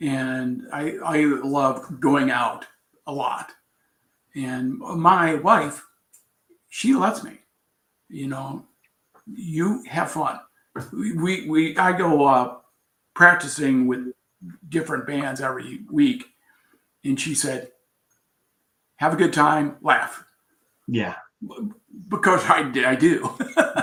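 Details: Aphasia in an adult man after a traumatic brain injury from a bicycle accident about four years earlier, with coma; trouble with words, still recovering.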